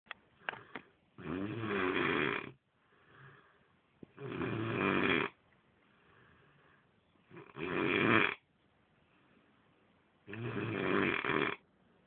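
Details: Adult man's snoring during sleep: four loud, fluttering snores on the in-breath with quiet out-breaths between, about 20 breaths a minute; regular snoring.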